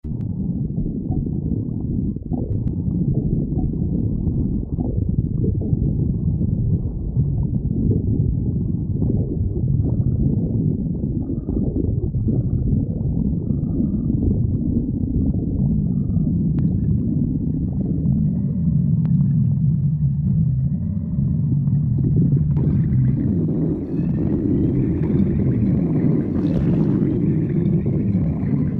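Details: Stomach growling: continuous low rumbling and gurgling from the abdomen; borborygmi.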